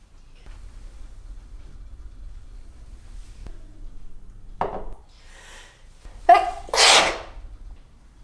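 A quiet room, then a short snort followed by two sharp sneezes close together. A sneeze with a preceding nasal snort.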